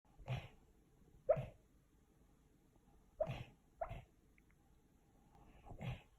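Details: A dog sneezing while asleep: about five soft, short snorting bursts at uneven intervals against quiet room noise. Sneezing.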